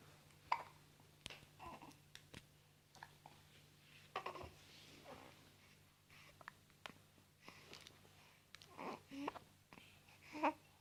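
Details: Soft, abrupt catches of breath at irregular intervals in a quiet room, with faint baby sounds between: hiccups in a baby sitting in a bouncer.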